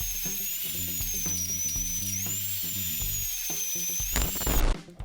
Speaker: we all remember that weird sounds that we hear when we visit their office